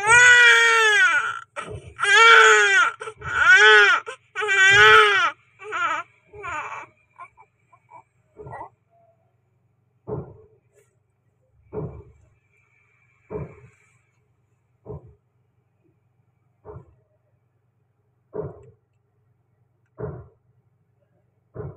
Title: Newborn chubby cute Baby Afer Birth Delivery Normal SVD | Born Date 24 May 2024 #viralvideo